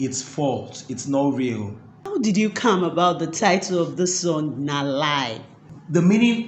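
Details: Adult speech, possibly two speakers in an interview exchange; ordinary fluent speech.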